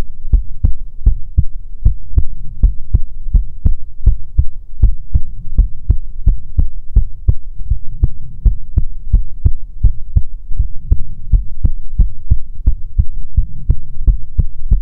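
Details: ASMR heartbeat recording: steady, deep, booming paired thumps, roughly 80 beats a minute, low hum beneath; heartbeat.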